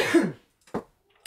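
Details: Cough.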